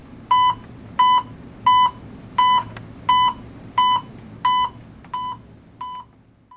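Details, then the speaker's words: Pulse oximeter audible pulse beep in an anaesthesia training on pulse oximetry, with the volume set to a comfortable level and never silenced: regular short electronic beeps, about 88 a minute, each tracking a pulse beat, over faint room hum. "ajuste el volumen del bip audible del pulso a un nivel confortable nunca lo deje silencioso"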